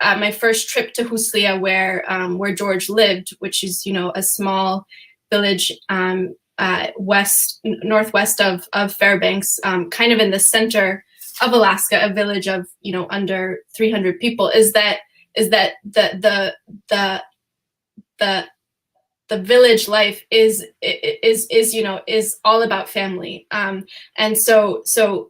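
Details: Stuttering in an adult female, real, who says she stutters sometimes, during a panel discussion.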